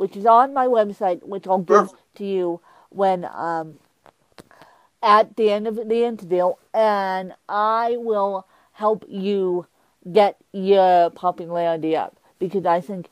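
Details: Adult woman with cerebral palsy who uses a walker; she describes her speech impediment as milder than her host's; mild dysarthria.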